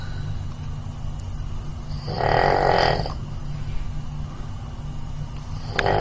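Over a steady low background hum, one rough, buzzing breath about a second long rises and fades: a single snore.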